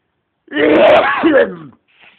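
A single loud adult sneeze: a sharp voiced burst trailing off, followed by a faint breath.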